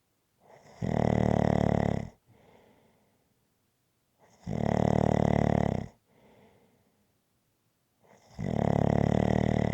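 Loud, regular snores on each breath in, about 16 a minute, each followed by a softer breath out.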